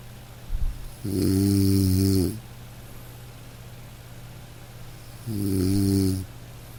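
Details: Sleeping dog snoring over light rain, relaxation recording: two low rumbling snores about four seconds apart over soft rain-like noise; snoring.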